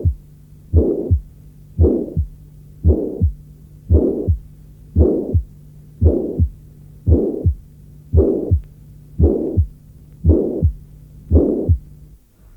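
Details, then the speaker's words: Teaching-tape example of mitral regurgitation: regular heartbeat near 57 per minute with a blowing systolic murmur, loudest early and fading toward S2; whether it reaches the second sound is hard to judge. "D’autre part, il n’est pas nécessaire qu’il se prolonge jusqu’au deuxième bruit pour être un souffle de régurgitation mitrale. Essayez de déterminer, dans l’exemple suivant, si le souffle s’entend jusqu’au deuxième bruit."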